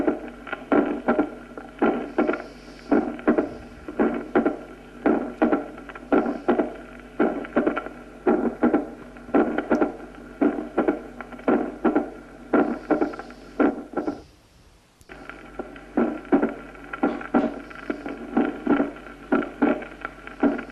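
Regular heart cycles at about 56 a minute, each a loud first sound, second sound with opening snap, then a low rumble building before the next beat: mitral stenosis.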